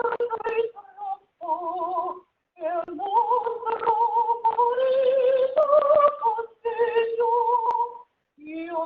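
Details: Normal singing voice of an opera singer recorded during fiber-optic laryngoscopy through the nose, looking down at the vocal cords.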